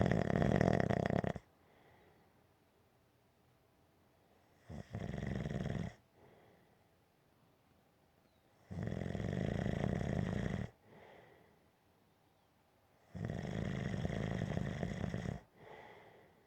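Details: Gentle snoring: regular, low, rattling snores on each breath, about four breath cycles, with quiet pauses between.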